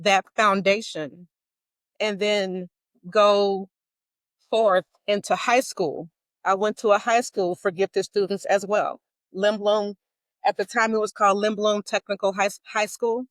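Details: Stuttering in an adult woman, self-described as mild to moderate; a covert stutterer until 2018, now overt.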